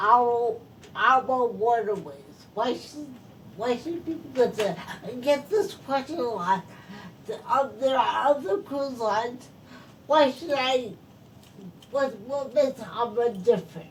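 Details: Post-stroke speech impairment in a woman who is a stroke survivor.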